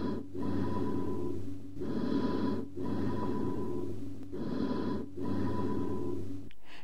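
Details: Teaching recording of amphoric breath sounds, as from a lung cavity communicating with a bronchus: loud, hollow breath sounds with a ringing, metallic tone and short pauses between inspiration and expiration.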